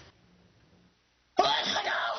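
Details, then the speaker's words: A near-silent pause, then a single sudden, forceful burst of air with a hissing spray: a sneeze. "welcome back to CBS 12 News we all do it we sneeze but have you ever stopped to think about what your sneeze might mean well it turns out you can tell a lot about yourself based on the way you sneeze"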